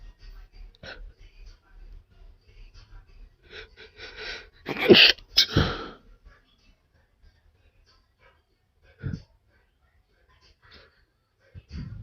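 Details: Induced sneezing fit after sniffing chhinkni powder: quick sniffing breaths build up to two loud sneezes in a row, then quiet breathing with a few soft exhalations.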